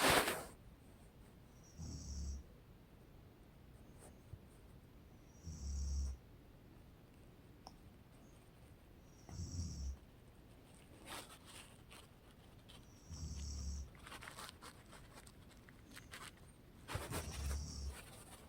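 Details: Snoring from a sleeping mother: five low rumbling snores on the in-breath, roughly every four seconds, about 15 breaths a minute, with quiet pauses between; typical snoring.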